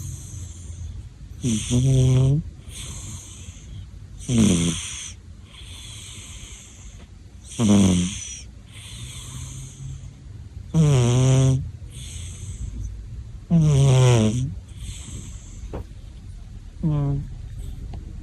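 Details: Loud rattling snores on each breath in, about six in 18 seconds, with quiet breaths out between them: ordinary snoring from a sleeping individual.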